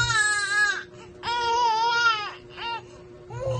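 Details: Infant crying while being burped and held: rhythmic, high-pitched repeated wails with short breaths between them; an ordinary infant cry.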